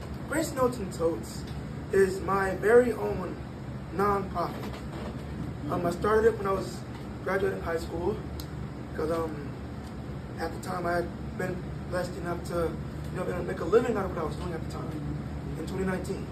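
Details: 22-year-old man born prematurely at about one pound whose vocal cords had to develop as he grew and still don't close all the way; breathy voice from incomplete vocal cord closure.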